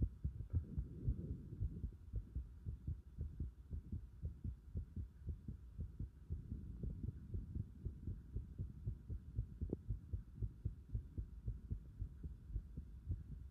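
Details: Heart sounds picked up with pulsation at the pit of the stomach (epigastric): a regular, low thumping heartbeat at roughly 115 beats a minute with a steady background hum.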